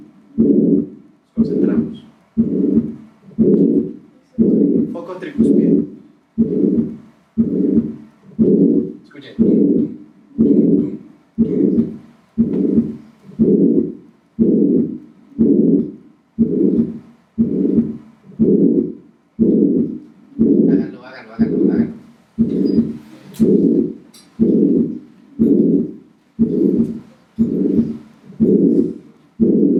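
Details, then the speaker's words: Harvey cardiology simulator, tricuspid focus (below xiphoid): systolic murmur of tricuspid regurgitation (insufficiency). "sistólico o diastólico só sistólico entonces tiene una insuficiencia muy bien"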